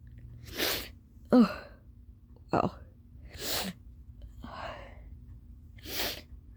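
Forceful bursts with sharp inward gasps between them, in the pattern of an intense coughing fit; steady room hum behind.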